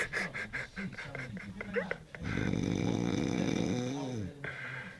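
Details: Adult man sleeping and snoring loudly: rough snoring with a fluttering rattle, then a long, groaning voiced snore; heavy, noisy sleep breathing.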